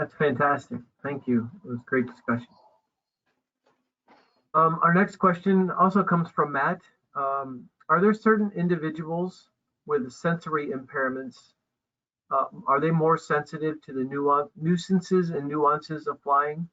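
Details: Adult speaker; normal speech.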